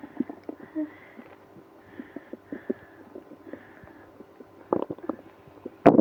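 Irregular gurgling and rumbling from the belly with squeaky bursts and a loud rush near the end; active bowel sounds.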